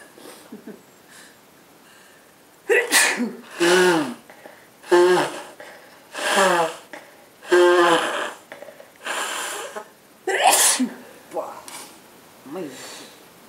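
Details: About nine sneezes in quick succession, several with voiced drawn-out cries, from two people, a couple sneezing and blowing their noses; repeated sneezing.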